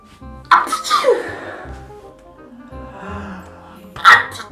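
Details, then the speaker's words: Two sharp, explosive sneeze bursts with a brief buildup, presented as a weird, rude-style sneeze in a compilation of exaggerated sneezes, over faint background music. "नाजरीन, बड़ी बड़ी बदतहजीबियों में से ये भी बहुत बड़ी बदतहजीबी है कि लोग किस अंदाज में अपने चेहरे को बिगाड़ बिगाड़ कर छींकते हैं।"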